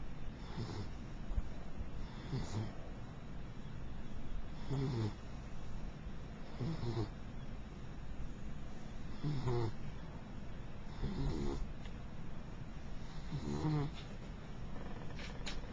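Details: Mixed-breed beagle snoring while asleep: low, soft rumbling snores recur about every two seconds, near 30 per minute, over steady background hiss; light snoring.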